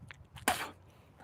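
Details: Single sharp, forceful nasal burst, a sneeze or snort, from a horse used for penning and sorting, heard during a chiropractic exam that found discomfort over the topline of his back; quiet background.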